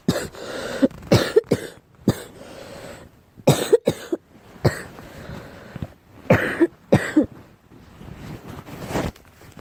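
Repeated harsh coughs, about ten, most in pairs or short runs, with quiet breaths between them.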